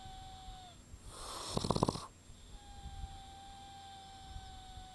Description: Proof!!! My delicate little flower snores and whistles at the same time.